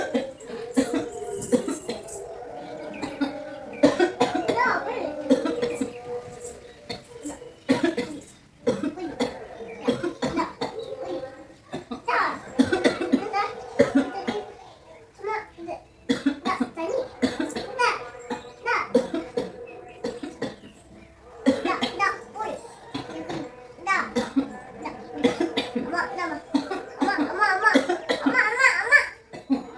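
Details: Feigned cough: an adult mother pretends to be sick as a prank on a baby, giving repeated short forced, acted coughs amid child voices, laughter and music.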